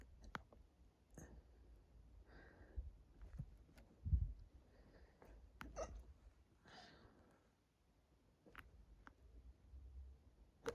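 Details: Hiccups induced by drinking lots of water, with a tight, bloated stomach making them quieter: several sharp, brief jolting bursts at irregular intervals, about six in ten seconds, in a quiet room; they are starting to hurt the chest and throat.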